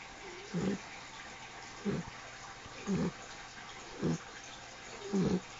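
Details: A 10-week-old female apricot Mastiff puppy snores very loudly while asleep, with fish tank noise in the background.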